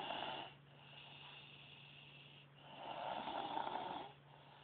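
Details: A girl recorded while sleeping: two rough, rattling snores on the in-breath with quieter breathing between them; ordinary snoring.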